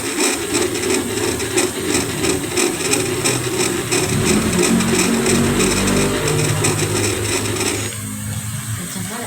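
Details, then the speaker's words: Fetus at 11 weeks, late first trimester, fifth ultrasound: rapid whooshing, rasping Doppler pulses at 174 beats a minute, judged good; normal fast first-trimester fetal heartbeat on Doppler ultrasound. "Nah, 174 kali ya. 174 untuk masih mau trimester 1 akhir kan ini. Iya. Itu bagus. Jadi kalau di trimester satu denyut jantung itu lebih cepat."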